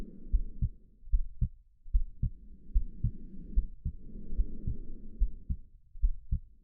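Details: Steady heartbeat about 75 beats a minute with slow soft breathing alongside, recording meant to soothe a baby to sleep; normal heartbeat.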